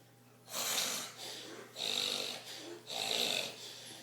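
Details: Adult man passed out after a night of drinking, loudly snoring: harsh, rasping breathing noises repeat about every second, with a steady hum behind them.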